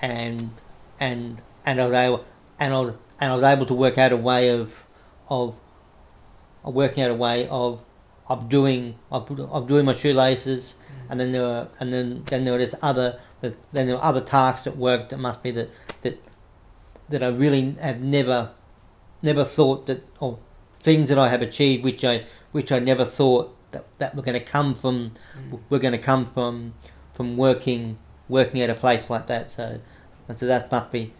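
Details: Adult man with cerebral palsy since infancy affecting right arm and leg, who reports a stutter he tries to control by calming down; stuttering.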